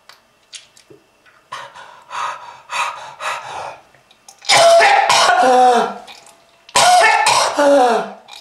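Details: Repeated harsh, wet coughs and throat clearing with strained, gasping breaths between bursts, from a smoker with lung disease who brings up red-coloured material: chronic smoker's cough.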